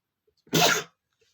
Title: male sneezing #40 (I tease my nose with a feather and then sneeze)